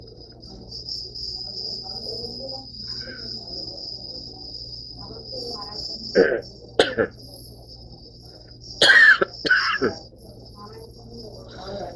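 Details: Dry cough during an asthma attack: several short, harsh, unproductive coughs in two clusters, with a steady high insect-like hum behind.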